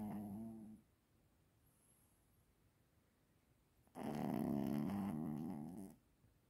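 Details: Sleeping snorer described as a "snoring monster": two loud, low, rattling snores separated by quiet; snoring.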